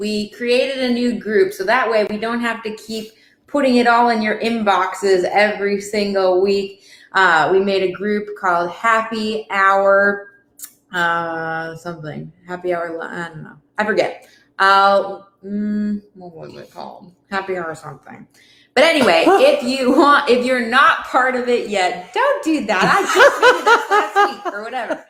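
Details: Adult woman; Normal speech.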